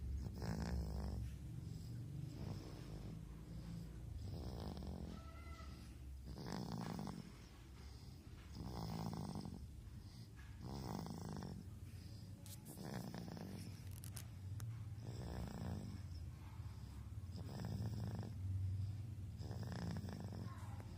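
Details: Snoring: a low rattling snore on each breath in, about nine breaths over twenty seconds, roughly 26 a minute, with faint room noise.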